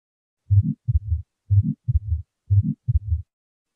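Regular heartbeat near 60 a minute with a soft systolic ejection murmur and split second sound, fitting atrial septal defect.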